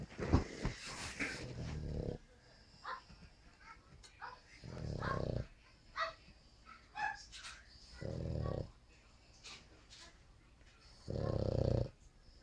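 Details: Rough, low rumbling snores on each breath, about every three seconds, with snuffling between, from a sleeping pug; ordinary snoring.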